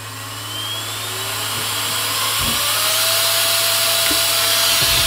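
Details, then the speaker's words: A 24V brushless WS7040 centrifugal CPAP-type blower fan on a 3D-printed PLA hose adapter, powered by a 3D printer: steady rising whine and rushing airflow spinning up to maximum speed, with faint clicks. "is an action key it moves quite a lot of air um I believe I need it somewhere in this range to get enough airflow for part Cooling and for the hot end so a little bit noisier than my CPAP blower from a res razzmaster or whatever it's called"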